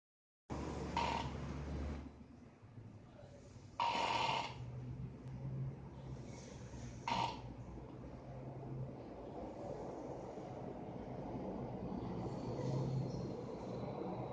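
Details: Sleeping dog snoring: rough, snorting snores roughly every three seconds, then quieter steady breathing.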